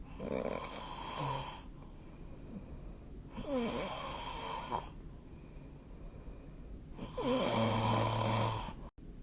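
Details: Snoring during sleep, recorded with a snore-tracking app: three loud, rattling breathing noises spread over nine seconds, with quiet breathing between them.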